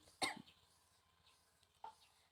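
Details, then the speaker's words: Huff cough technique demonstration, seated leaning forward after deep nasal breaths, shoulders raised, forceful spontaneous cough to expel phlegm: one strong cough burst then a softer second huff. "Angkat bahu dan longgarkan dada serta batukan dengan kuat dan spontan keluarkan dahak dengan bunyi HF HF HF saya akan mempraktikkannya"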